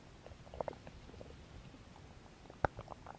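Quiet gurgles and two sharper pops from the belly over low room noise: ordinary bowel sounds, stomach growling.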